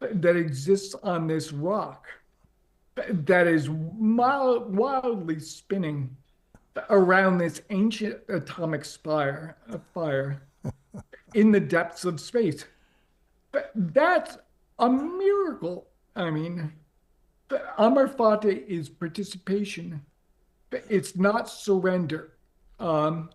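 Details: Adult man with ALS diagnosed four and a half years earlier and now near end stage; paralyzed from mid-throat down; uses a ventilator to inflate his lungs to speak; difficulty speaking and breathing; dysarthria in amyotrophic lateral sclerosis.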